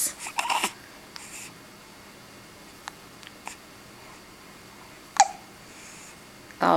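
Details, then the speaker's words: 23-day-old newborn hiccups: a few faint infant sounds, then several brief, sharp hiccup clicks spaced seconds apart in a quiet room. "always no fun hiccups are no fun hiccups aren't fun go bye-bye say bye-bye hiccups bye-bye hiccups"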